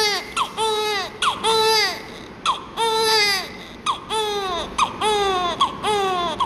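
Repeated strong newborn cries, about eight bursts with breaths between, during suctioning care; a vigorous cry.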